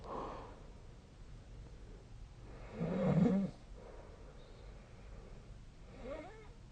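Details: Snoring recorded during sleep, possibly with the SnoreLab snoring app. Faint, low rumbling breaths with one louder snore near the middle sound over a steady room hiss: quiet snoring.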